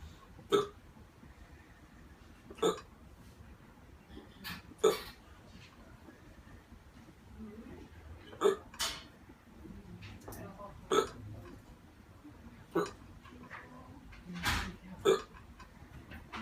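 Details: Day 8 of constant hiccups in a man who later had difficulty breathing and went to hospital: sharp, abrupt hiccups recurring about seven in sixteen seconds, with quiet breathing between them.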